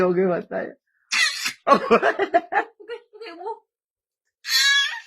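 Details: Infant makes a few short, playful pretend coughs on request (voluntary cough), mixed with an adult voice and baby vocalizing.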